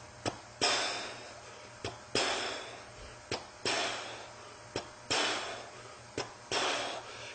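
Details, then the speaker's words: Vocal imitation for MRCP PACES exam teaching of the aortic regurgitation early diastolic murmur: a short tap followed by a soft, blowing murmur fading away. "with the a regation murma is early diastolic murma is a very eoy murma so he sounds like"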